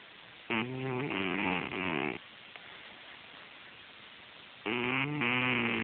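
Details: Cat Tom shown snoozing: two drawn-out, buzzing, voiced snores separated by a quiet pause, a cartoon snoring sound effect rather than a real recording.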